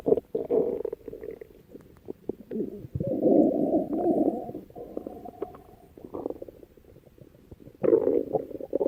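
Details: Irregular gurgling, rumbling bursts with bubbly pops and low groaning stretches from a female's stomach; stomach growling (borborygmi).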